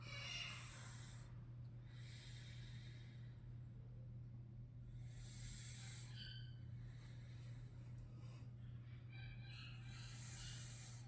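Soft, rhythmic snuffling breaths with a hissy, snorting quality over a steady low room hum; light snoring from a sleeping flat-faced dog.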